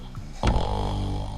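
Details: Deep, loud rumbling snore with a sudden snorting burst on the breath, low and rattling throughout; recording from a snoring test of the strongest snorer, with lubricating lozenges giving no improvement.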